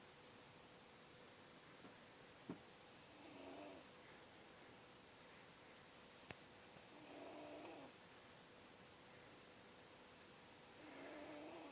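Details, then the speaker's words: Younger brother asleep: slow, soft snoring breaths about every four seconds over steady room noise and music, with occasional faint clicks; ordinary snoring. "So basically the thing is my little brother don't believe me when I say he be snoring pretty loud. So I'm finna show y'all niggas how he be snoring."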